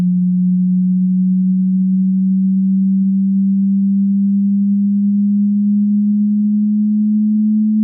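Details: Hearing test frequency sweep: a pure steady low tone gradually rising in pitch, from bass toward treble.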